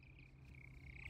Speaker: このフィードバックホイッスルは、補聴器のスピーカーから出てくる音が無限のサイクルでマイクによって拾われるときに発生します。